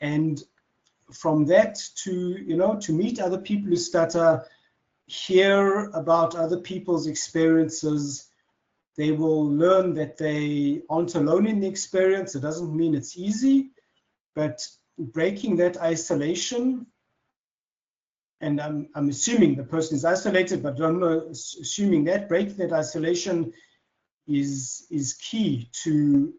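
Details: Adult man who has stuttered since childhood, speaking naturally in conversation; stuttering.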